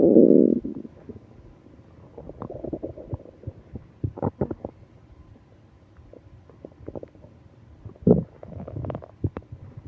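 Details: Adult with stomach ache on a business trip: loud gurgling rumble, then scattered bubbly gurgles and clicks in a quiet room, with moaning; active bowel sounds, audible stomach growling.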